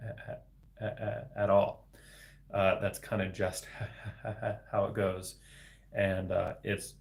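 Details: Adult man with developmental stuttering, a speech-language pathologist, speaking spontaneously in a real solo livestream; word repetitions audible; stuttering.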